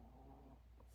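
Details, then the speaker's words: Resting dog in a quiet room making low, rumbling, fluttering snoring breath noises. "snoring can you hear that I love it so much I can't even stand it I can't"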